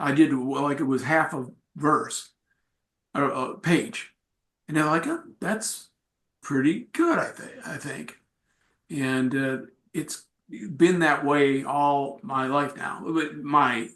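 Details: Aphasia in an adult male, acquired after a traumatic brain injury from a bike accident without a helmet and about a month in a coma, about four and a half years post injury, presenting at an aphasia support group.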